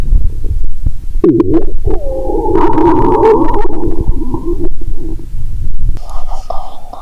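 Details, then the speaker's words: Bowel sounds recorded by stethoscope on the abdomen while lying down, after drinking cola with Mentos: loud bubbling gurgles with rising and falling squeaky tones over low rumbling noise; active gurgling bowel sounds. "My stomach is telling me, "Give me good food, not liquids!"🤔😂. What do you think, guys? 😂. Unlike usual, the tone seems dissatisfied😅."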